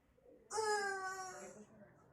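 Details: Newborn's first cry at a home water birth: a sudden, loud, clear cry lasting about a second, then fading; a normal first cry at birth.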